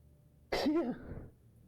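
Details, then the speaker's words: Single abrupt cough-like burst from an adult close to the microphone, with a short voiced tail, during a live-streamed game session; coughing repeatedly. "Sorry, I keep coughing into the mic if you can hear me."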